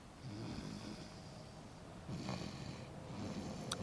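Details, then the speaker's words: Sleeping baby girl in a car seat snoring: soft, low rumbling snores, about two breaths' worth, in a quiet room. "truly her father's daughter it's a greco pink car seat secure straps bunny toy cute shoes bought by grandma jean or the cup in case she gets thirsty and the sweet sounds of a snoring baby isn't she adorable"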